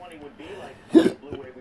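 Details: A single abrupt, sharp vocal hiccup against a quiet background, from an adult with persistent intractable hiccups ongoing since December 2015. This new episode was triggered just by sitting up in bed and going to the restroom.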